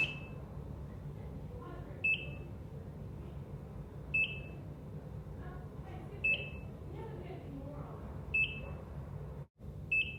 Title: Amazing ECG/EKG Sounds, Heart Monitor, Electrocardiogram, Relaxing ECG Monitor Beep, Hospital Sounds